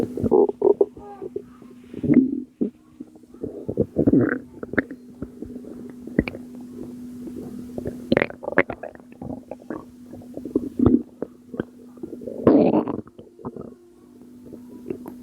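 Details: Postpartum mother's belly, recorded at 2 am; she attributes the sounds to postpartum water weight. Irregular bubbling gurgles and low rumbles over a steady hum; stomach gurgling.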